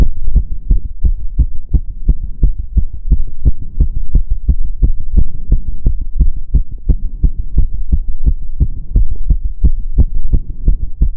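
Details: Own heart sounds during step-up exercise (stair-stepping); quick, regular heart sounds, about 90 beats a minute; fast heart sounds during exercise.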